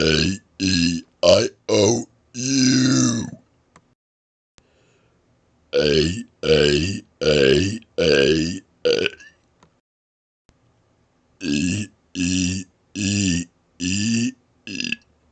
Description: I was asked to make a video burping out the vowels in different ways aiming for deepness, length & loudness.